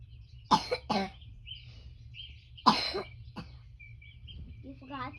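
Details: Cough.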